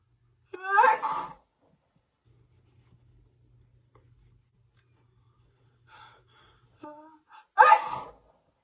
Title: sneezing fit on camera for 2 minutes and 27 seconds. #sneezingfit #funny #sneezeattack